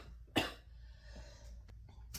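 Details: An adult recovering from a respiratory virus (possibly undetected Covid or RSV) gives a single brief, harsh cough with a quiet breathy tail against low room hum.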